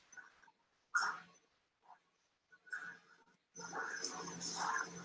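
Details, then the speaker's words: Rough, buzzing continuous-wave Doppler flow bursts with symmetric vibrations of similar frequency; loud vibratory systolic murmur of mitral regurgitation audible to the patient, with three to four weeks of breathlessness, about a month after ablation, ICD in place. "see that this moment has uh vibrations that have symmetry to it and that gives you an idea of what the physiology of pathophysiology might be here not exactly musical rough"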